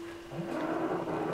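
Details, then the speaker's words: Faint, low, rumbling snore from sleeping pet dogs, a pug and another dog, heard over a steady background hum. "I know it's Indy, my pug, that's doing the most snoring, but I've also got Bo down here. So if you hear snoring, it's Bo."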